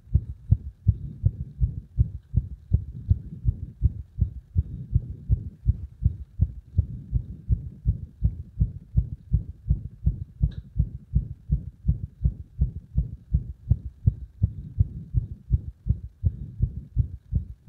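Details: Frequent irregular beats within loud, fast low heart thumps, about 160 a minute counting individual sounds, with uneven spacing in places; described as compressed heart sounds with many arrhythmias.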